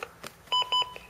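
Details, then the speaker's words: LIFEPAK 12 defibrillator/monitor in an ACLS class demo with simulated ventricular fibrillation: a short series of bright electronic tones as AED mode is activated, just before "analyzing, shock advised." "if this is really close by you can either if you don't know ACLS you can push the AED"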